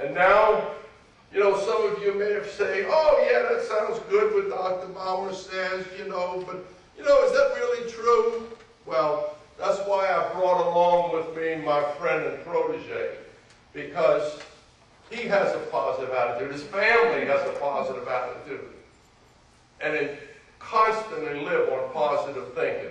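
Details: Adult male speaker; normal speech.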